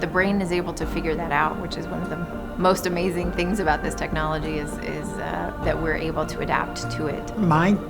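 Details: Adult woman; normal voice.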